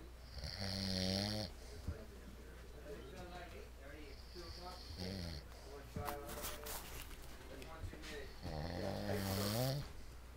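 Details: Man snoring while napping during a break: loud, rattling snores on the in-breaths, with quieter breathing between and a steady low hum in the room.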